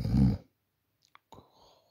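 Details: Snoring from someone who fell asleep while recording at night on a Samsung Galaxy A40 phone: a loud, low, rumbling snore under half a second, faint clicks, then a softer breathy exhalation.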